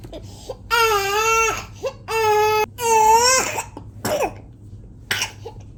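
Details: Bursts of coughing with long, high-pitched drawn-in whoops between them, the typical whooping pattern of pertussis (whooping cough).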